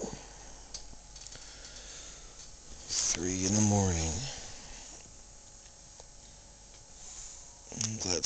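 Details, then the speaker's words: Adult woman, the speaker's partner, snoring in her sleep and keeping him awake after she denied snoring: a rough, vibrating snore of about a second, quiet, then another starting; ordinary snoring. "My lady just told me she wasn't snoring. As you can hear, she's snoring."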